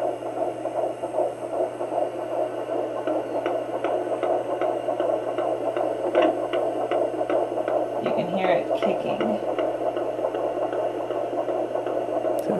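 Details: Home Doppler during pregnancy, baby moving and hard to find: rapid, regular whooshing fetal heartbeat about 155 per minute with brief movement bumps.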